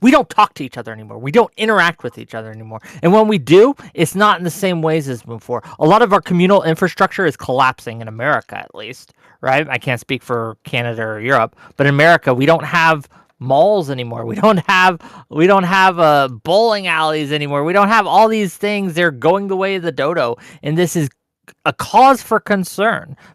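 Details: Adult speaker; Typical adult speech.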